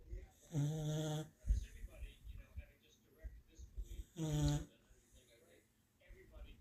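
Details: A black and white dog sleeping soundly in a blow-up collar worn for medical reasons, with two loud, low, rattling snores on inhalation and quieter breathing between: snoring caused by the collar.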